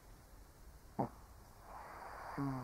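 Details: Snoring from an old Shih Tzu sleeping; snoring.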